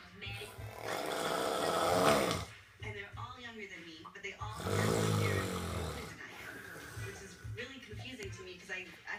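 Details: Loud snoring from a sleeping adult woman (the mother), loud enough to drown out the TV, described as really bad; snoring.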